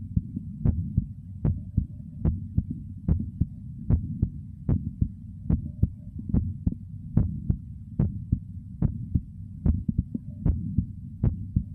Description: This time, I've recorded a video featuring both Heartbeat and Stomach Growl at the same time.